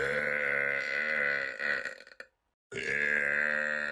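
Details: Burp compilation: two long, drawn-out voiced belches separated by a brief pause; loud, sustained burping.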